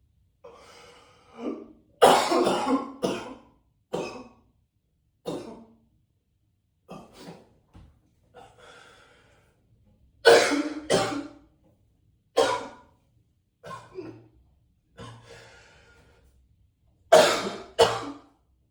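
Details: Repeated heavy, harsh coughs in bouts, some doubled, with short breaths between, echoing in a bathroom; deep, forceful coughing.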